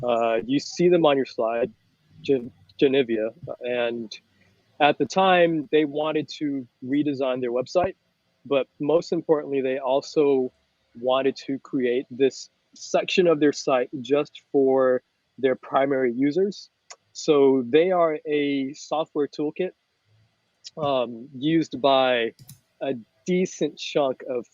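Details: Adult man with mild, persistent, adult-onset stuttering, about 98-99% fluent with blocks on a few words; stuttering.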